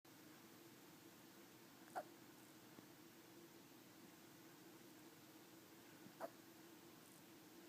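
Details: Two brief, sharp hiccups about four seconds apart from Rusty, a Chihuahua, sleeping under a jacket after eating too fast, over steady room hum.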